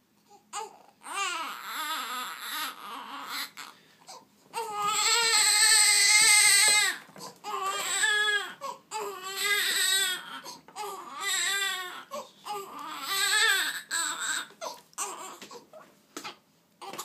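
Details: Normal infant cry from a baby boy, calmed by a vacuum cleaner: repeated rising and falling cry bursts with short pauses for breath between them.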